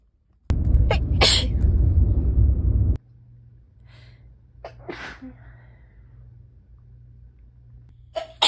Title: August/September sneeze compilation